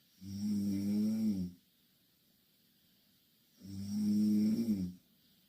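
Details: Two Korean girls sleeping in the same bed, snoring loudly: two long, low, vibrating snores on breathing in, separated by quiet pauses; loud snoring during sleep.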